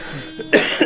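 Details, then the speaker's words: Adult who says he currently has a cough: one short, sharp cough burst, with faint room noise before it. "अरे मुझे अभी खांसी चल रही है मेरी आवाज सही नहीं आएगी"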